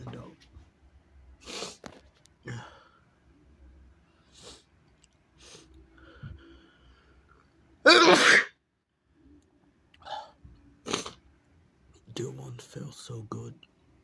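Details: Person who says they can't sneeze and needs to let sneezes out: one forceful sneeze among softer breaths and sniffles in a quiet room, brief talk near the end; big sneezes.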